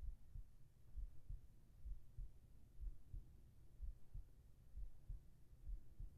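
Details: ASMR heartbeat recording for sleep, with whispered voice: muffled, regular double thumps at roughly 63 beats a minute, a steady resting heartbeat; normal heartbeat.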